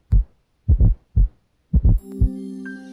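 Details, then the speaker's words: S4 gallop: low heart sounds in a three-beat galloping rhythm, with a soft, low-pitched extra thud in late diastole just before S1, then S2. "S4 results from vibration of the valves pil and ventricular walls later in diast because this low pitched sound occurs just before S1 it produces a galloping Rhythm as in the word"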